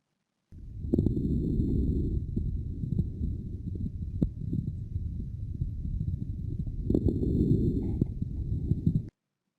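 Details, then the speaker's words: Stethoscope lung recording from a Tromsø study adult volunteer aged 40 or over, from a lung case group: breath noise with brief crackling pops during inspiration; inspiratory crackles. "You can listen to the recording as many times as you like. You hear inspiratory crackles."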